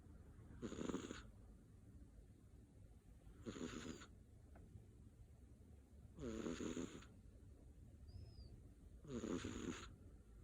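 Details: British Shorthair kitten snoring asleep after vigorous play: coarse, rattling snores, about 21 breaths a minute, each about half a second long, over quiet room hum.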